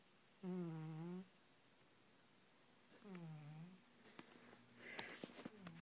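Two drawn-out, voiced, buzzy snore sounds on breathing in from a sleeping cat; harmless snoring.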